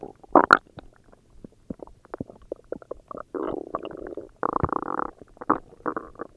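Bubbling, squeaky gurgles and longer rumbling runs of stomach growling, ordinary bowel sounds.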